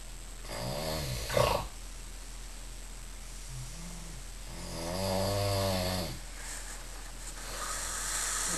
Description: This dude was sleeping on the bunk underneath mine at Stirling Youth Hostel on Saturday 19 and Sunday 20 May 2007. He had the most disgusting snore I'd ever heard.